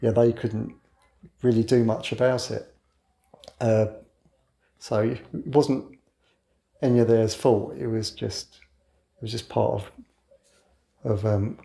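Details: 61-year-old man who has stammered since childhood and now mostly hides it (covert stammering), so overt disfluency may be infrequent; stammering (stuttering).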